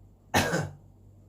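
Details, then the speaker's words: Adult feeling under the weather with a cold as the seasons change: a single short, forceful cough, a sharp burst fading over about a third of a second, in a quiet room. "a little bit of a cough sorry I should have covered my mouth I have a little bit of a cough and so sorry if I sound a little bit off"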